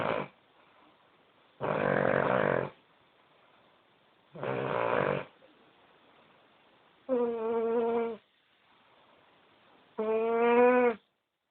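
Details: Loud dog snoring during sleep: five snores of about 1 second each, harsh and rattling at first, then two more tonal and whistling, irregularly spaced at about 23 a minute.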